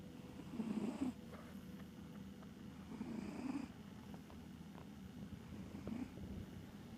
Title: snores